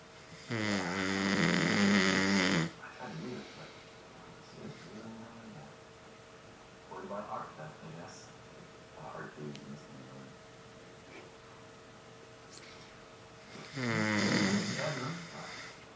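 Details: Person napping while watching TV: loud, harsh, rattling snores with long quiet gaps and faint softer breaths between, over a steady room hum; snoring.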